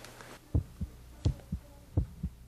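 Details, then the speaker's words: Pediatrician listening with a stethoscope to a young boy's heart during a clinic visit: three paired low thumps in under two seconds, a quick regular heartbeat over faint room hum. "listen to your heart okay where's your heart at can you sh me that's a smart boy see what you sound like"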